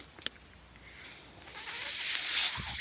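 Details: Ventilator audible behind the user's own speech while he records a Star Wars podcast; a soft click, then a rising airy hiss builds and holds as air is pushed through the circuit. Mechanical ventilator breathing cycle.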